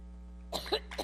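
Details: Adult woman in a severe coughing fit while giving a speech in New York: a single short, harsh cough burst amid a low hum and room noise.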